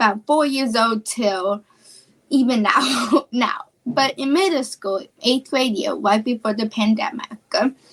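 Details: Female high school student with childhood apraxia of speech, a neurological speech disorder; childhood apraxia of speech.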